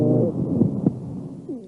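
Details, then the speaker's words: Chest auscultation: a continuous musical sound, heard mainly in expiration and possibly in both inspiration and expiration: wheeze. "زي ما انتوا سامعين كده continuous musical sound، ممكن يبقى inspiratory و expiratory او expiratory بس، لكن ما فيش ويزس في الانسبيريشن من غير ويزس في الاكسبيريشن. ده صوت الويزس."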